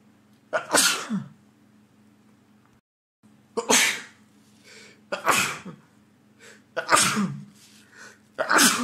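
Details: Man with a cold lasting over a week, having recurring sneezing fits: five sharp, explosive sneezes in a row, with steady low room hum between them; a sneezing fit.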